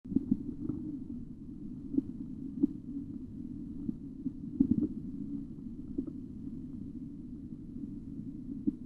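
Soft tapping sounds over steady low hum as the cuff deflates: Korotkoff sounds during blood pressure measurement.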